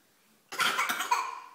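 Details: After a brief quiet moment, a young child, one of triplets, gives a short, harsh, noisy burst of deliberate pretend coughing, a playful imitation; cough (imitated).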